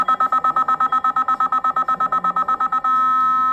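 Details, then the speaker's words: Rapid, regular beeps, about 167 a minute, then a steady continuous tone: manual defibrillator charging after 200 joules selected, then signalling ready to shock, in a training demonstration. "तो suppose अगर मुझे order मिला है 200 joule पे आपको energy deliver करनी है, तो सबसे पहले you need to select it up to 200. यहाँ से आप इसे चार्ज करोगे."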